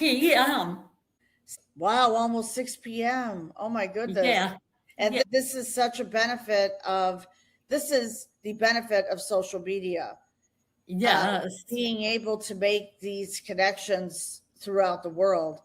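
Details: Adult women in conversation; ordinary conversational speech.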